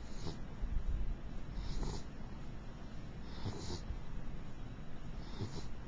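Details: Mixed beagle dog snoring while asleep: soft, regular noisy breaths about every 1.7 seconds over steady background noise, light snoring.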